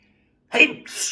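A sudden sharp burst of air with a hissing tail after silence: a single sneeze.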